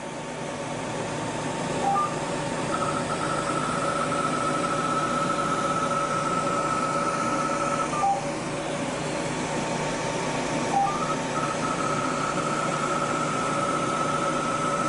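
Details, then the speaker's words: Continuous airy blowing with a faint steady tone and brief beeps: a cold air blower cooling the skin to supplement anesthesia during Fraxel laser treatment of sun damage, with gel applied to the skin. "again Gabby is using the cold air blower to blow cold air at the skin which supplements the anesthesia and makes the procedure much more"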